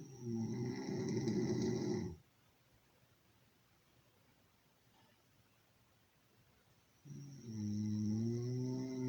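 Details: Original recording of snoring during sleep: loud, rough, low-pitched snores on two breaths with a quiet pause between; typical snoring.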